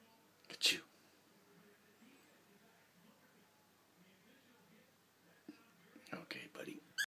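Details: Cockatiel imitating its owners' sneezes while bobbing its head: a tiny sharp burst near the start, then a quick cluster of small hissing puffs, sneeze-like.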